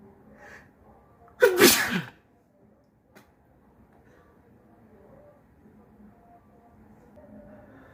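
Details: One loud, wet, mucus-laden sneeze in a quiet room, then faint background noise.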